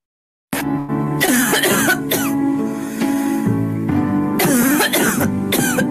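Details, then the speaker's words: Repeated short, harsh coughs without rattle or mucus, over music: a recorded example of a dry cough, contrasted with wet coughs, in a lecture on cough characteristics. "so we have the dry cough then the St cough and then the wet cough which will play out so first the dry"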